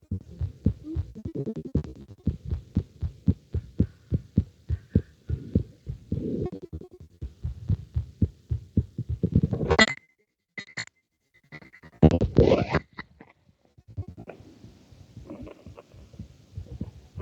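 Regular low heart thumps, roughly 90 a minute, through a stethoscope, broken midway by handling noise and rubbing.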